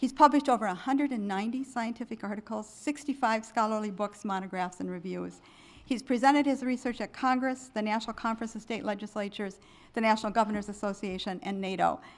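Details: Adult woman; normal speech.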